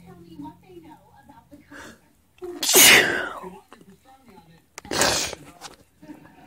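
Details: Two sneezes, the first loud and full with a sharp burst, the second shorter, with faint voices beforehand; sneezes made on request as part of a series.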